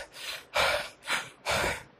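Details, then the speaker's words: Nursing lecturer simulating Kussmaul respiration, as seen in kidney failure or diabetic ketoacidosis: deep, rapid, forceful breaths in quick succession with increased rate and depth. "Kidney failure वाला patient देखना, diabetic ketoacidosis वाला, उसमें देखने को मिले।"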